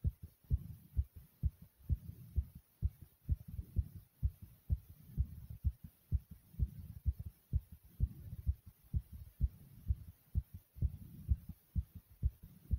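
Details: Own heartbeat beating really fast and hard, strong regular thumps at about 128 beats a minute with a steady hum behind: rapid heartbeat (tachycardia).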